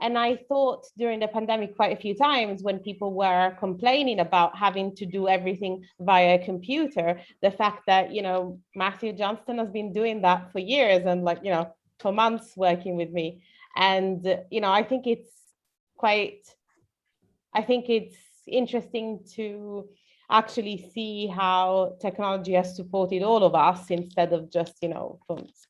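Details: Adult woman; normal speech.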